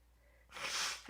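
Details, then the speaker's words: Streamer sick all week and repeatedly sneezing, joking about being allergic to streaming: quiet room, then a single sudden hissing burst of air through nose and mouth; one sneeze. "Sneeze. My God, I'm still sneezing."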